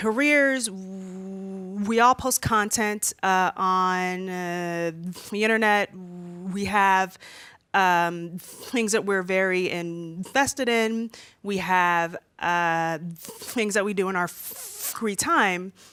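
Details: Female speaker who stutters, worse when nervous in front of a room full of people; stuttering.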